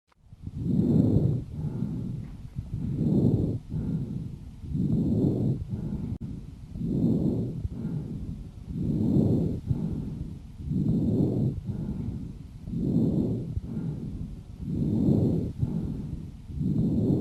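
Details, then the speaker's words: Harsh (rough) breathing on lung auscultation with a stethoscope: loud, coarse breath sounds at about 15 breaths a minute, inspiration and expiration equally long and coarse. "давайте послушаем как звучит жесткое дыхание"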